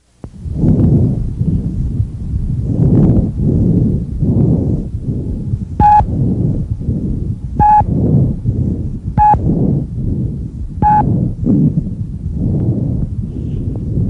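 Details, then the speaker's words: Rushing breath sounds through a stethoscope, louder and higher-pitched than normal vesicular breathing. Inspiration and expiration are equal in length with a clear pause between them, and electronic beeps are heard. Patient breathes deeply, mouth open. Bronchovesicular breath sounds, normal at the anterior second intercostal space. "η βρογχοκυψελιδικο αναπνοή είναι ήχος υψηλότερης χρείας από το φυσιολογικό αναπνευστικό ψιθύρισμα μεγαλύτερης έντασης η εισπνοή έχει την ίδια διάρκεια με την εκπνοή"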